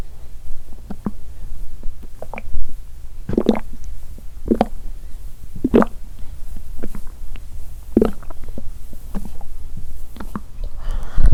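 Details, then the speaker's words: Bowel sounds about 3 hours after a meal, after changing position lying down, felt as movement in one abdominal area: irregular gurgles, squelches and watery pops; active peristalsis of normal digestion. ""О, я чувствую, что эта область движется😲"."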